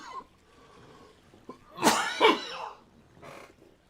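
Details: Two harsh coughs followed by a softer one during a live gaming stream, part of a coughing fit attributed to asthma.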